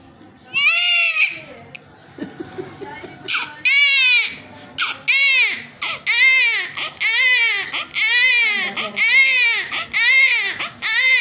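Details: Newborn just born after a normal delivery: strong, rhythmic crying at about one cry per second, with a clear high-pitched wail and quick breaths between cries; newborn cry.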